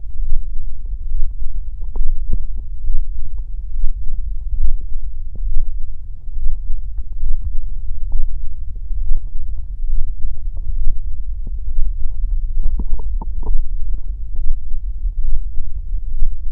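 Deep, continuous rumbling with irregular gurgles and pops, typical of stomach growling from gas and fluid moving through the gut.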